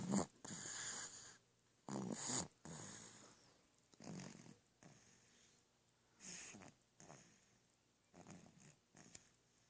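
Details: Sleeping dog snoring loudly: repeated raspy, hissing breaths with quiet gaps between, about 27 a minute, fading over time.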